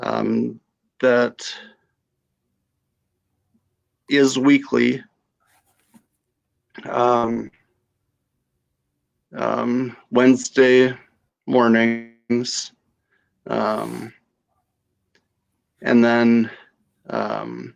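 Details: Aphasia after stroke in a female stroke survivor.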